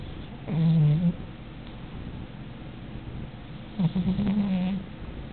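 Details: Cat snoring.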